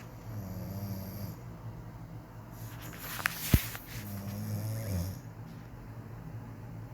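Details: Wife, who denies snoring, recorded during her quieter snoring: low rattling snores on each breath in a quiet room, with a brief sharper noise partway through. Snoring.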